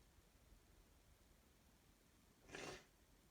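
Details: A single short sneeze burst from a female against quiet room noise: an allergic sneeze.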